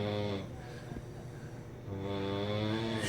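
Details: Adult man sleeping with his arm raised, snoring: long, loud, buzzing snores on each in-breath, each followed by a brief pause before the next one, over a low steady hum.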